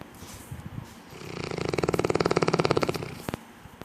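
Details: Sleeping Neapolitan mastiff, said to sleep about 20 hours a day, snoring: a single rattling, fluttering breath that swells and fades over about two seconds.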